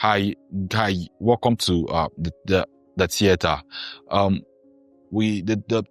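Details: Acted, not real: a man who formerly stammered imitates a stammering doctor, with word repetitions; stuttering (imitated).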